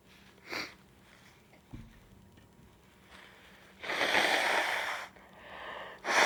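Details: Sneezes with a cold: a few sharp, noisy bursts of air, one long and forceful, with sniffing.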